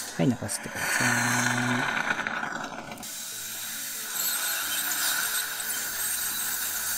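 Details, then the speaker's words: Ultrasonic scaler removing stains from lower front teeth of an orthodontic patient with fixed labial braces, wire removed, during wire replacement on a staff member: high, steady whine and hiss with faint music and hum. "はい、こんな感じで超音波で着色を落としていきます。コーヒーや紅茶を飲む人はよく着色がしやすいです。"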